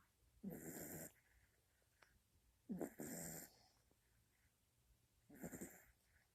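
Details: Rough, rattling snores with each breath, about 26 a minute, over quiet room noise, from young Charlie (female), newly acquired and said to snore a lot then; snoring.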